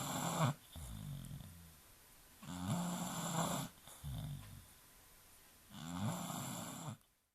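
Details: Loud, rattling snores from Charlene, a sleeping British Bulldog, about 18 breaths a minute, with quieter breaths in between.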